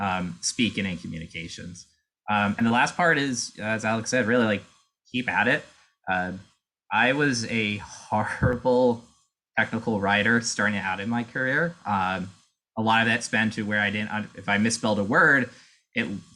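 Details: Adult male speaker; typical speech.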